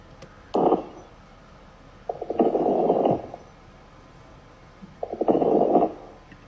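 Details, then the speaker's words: Fine crackles on lung auscultation in a nursing-assessment demonstration: bursts of fine, crackly popping during inspiration, higher pitched than coarse crackles with a watery quality. "it sounds like someone's calling you in their pocket but it almost has like a water feature to it and it's a little bit higher pitched"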